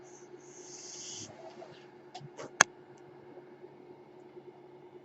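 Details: Soft airy hiss of a delivered breath, then a sharp mechanical click over a steady low hum, from the speaker's own ventilator during podcast speech: mechanical ventilator cycling.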